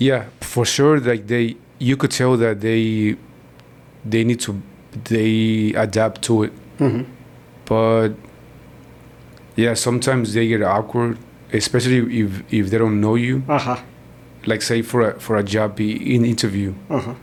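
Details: Stuttering in an adult man born in Mexico and living in Texas who describes himself as a person who stutters.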